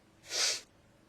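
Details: A person with a cold sneezes, a single brief, hissy, softer-onset burst of air about half a second long, while phoning to make a doctor's appointment; the person says they can't stop sneezing.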